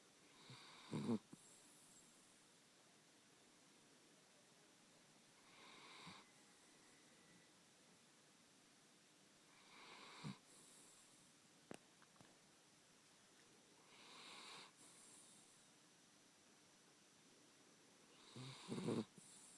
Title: My chiweenie snoring